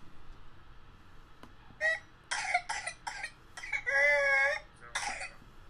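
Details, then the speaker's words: Child with pertussis (Bordetella pertussis, whooping cough): run of harsh coughs, long high-pitched indrawn whoop and retching as he tries to vomit during the paroxysm. "you can hear that kid he's coughing and then at the same time he's trying to vomit"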